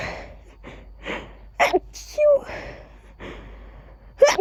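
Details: A few sneezes in a row, each a quick inhaled gasp and then a sharp voiced "achoo" deliberately said while sneezing, with breathy noise between them.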